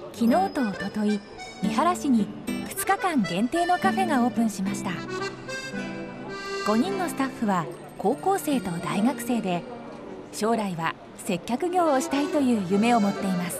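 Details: Adult narrator; typical speech.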